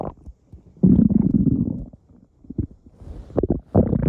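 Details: Loud, deep, drawn-out stomach rumbling followed by shorter gurgles; borborygmi.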